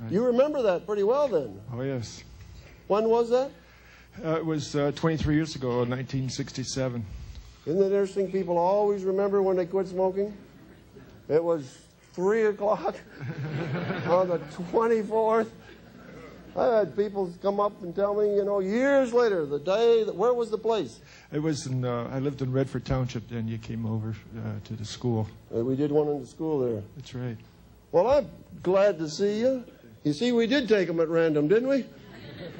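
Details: Two adult men in conversation, amplified room; normal speech.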